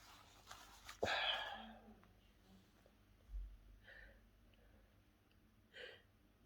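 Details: Sneezing during a sneeze challenge, with mint and garlic in the nose mentioned: one sharp, forceful sneeze followed by a couple of softer breaths and faint sniffs in a quiet room.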